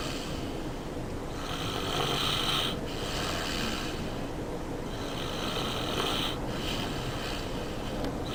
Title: Me Snoring with a boner